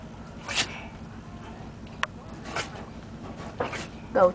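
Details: Dog: several short, sharp bursts of air, about three sneezes in a few seconds, in a quiet room; sneezing.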